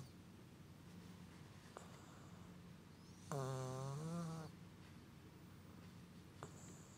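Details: Sleeping subject possibly with a stuffy nose, snoring while fast asleep: a single buzzing, tonal snore lasting about a second against quiet room noise.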